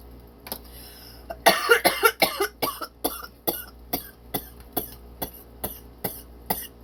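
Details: A strong cough burst, then about a dozen weaker dry coughs in steady succession: a coughing fit, with hashtags suggesting it follows smoking cannabis.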